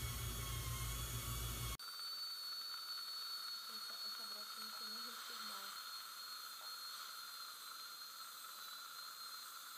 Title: Ultrasonic Dental cleaning